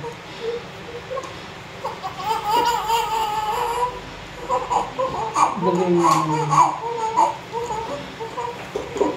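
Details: Newborn baby boy just after a natural vaginal birth: thin, repeated vigorous crying over quiet adult talk in the delivery room; a normal sign shortly after birth.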